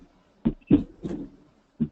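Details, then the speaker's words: Slowed-down simulated heartbeat from a nursing teaching program, separate low thumps letting the first and second heart sounds be told apart; normal S1 and S2 heart sounds. "Now if you slow things down here, you're really going to be able to hear the difference in the S1 and S2 sounds here."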